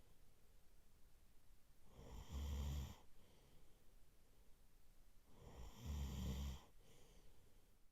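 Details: A sleeping man snoring: deep, rumbling snores on each in-breath, about 17 breaths a minute, with quiet out-breaths between.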